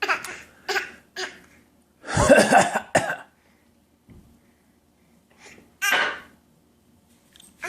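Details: Toddler's voluntary pretend cough, copying her father's cough.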